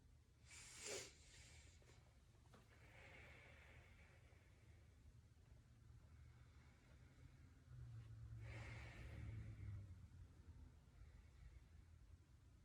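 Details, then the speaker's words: Simulated head-to-toe assessment (ASMR): patient takes two airy deep breaths over a steady low room hum as the examiner listens with a stethoscope for crackles, diminished sounds or wheezing. "i'm going to be listening for any crackles any diminish any um fine crackles any wheezing if you will just take a deep breath for"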